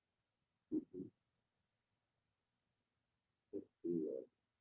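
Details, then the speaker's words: Harsh, noisy breath sounds on a mannequin simulator, audible at a distance. This is stridor from upper airway obstruction. "Esto está traduciendo obstrucción de la vía respiratoria alta. Se escucha a distancia."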